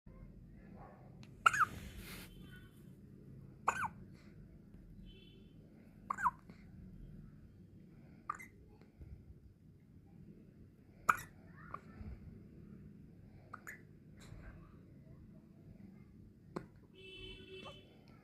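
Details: Newborn baby girl with soft, sharp hiccups recurring every few seconds, about eight in eighteen seconds, in a quiet room; newborn hiccups.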